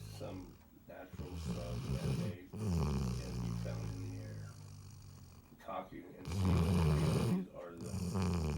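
Loud, low, rumbling snores in long repeated breaths from a sleeping dog; ordinary snoring.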